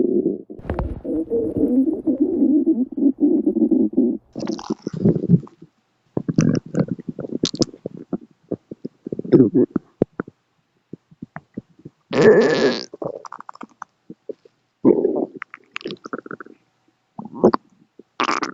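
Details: Pet rabbit recently cleared from hospital: low gurgling, bubbling rumbles in irregular bursts from her belly; stomach growl (borborygmi), ordinary gut sounds.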